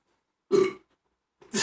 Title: Beknięcie, burping the best from Ukraina !!!